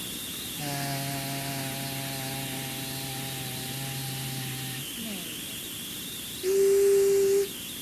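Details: Patient previously intubated, with suspected post-COVID myopathy; stroboscopy shows somewhat congested vocal folds with complete closure but reduced contact, attributed to internal thyroarytenoid muscle weakness: breathy voice.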